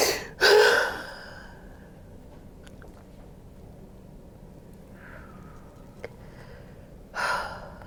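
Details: Two sharp, breathy intakes of air about seven seconds apart with near silence between, from a woman lying on her side during hands-on fascia healing with chiropractic adjustment; gasping.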